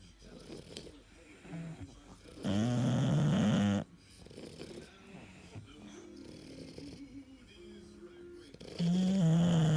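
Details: Sleeping bulldogs snoring: loud, buzzing snorts on the in-breath with softer snuffling in between.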